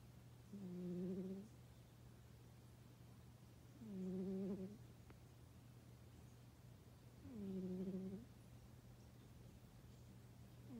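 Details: A sleeping cat snores in slow, regular buzzing bursts at about 18 breaths a minute, a normal sleeping sound; cat snoring.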